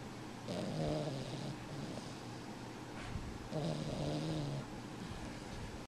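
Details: Sleeping comfortably beside her sister, snoring: two rough, vibrating inhaled snores about three seconds apart over steady background hum; ordinary snoring.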